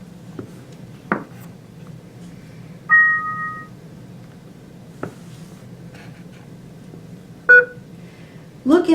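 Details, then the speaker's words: Philips Avalon FM50 fetal monitor powering on and performing its self-test: two-tone beep then a short single beep over quiet room hum. "press the power switch to turn on the monitor the monitor will then perform a self"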